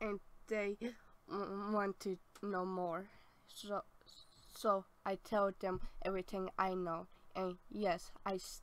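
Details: Adult woman born in 1990 with apraxia of speech since childhood, speech therapy through high school, still persisting and possibly lifelong; apraxia of speech.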